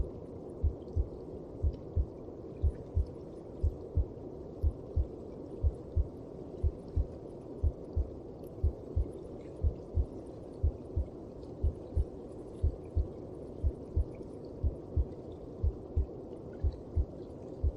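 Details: Slow, very regular heartbeat at about 60 beats a minute, muffled under a steady whooshing rumble: heard through the mother's belly.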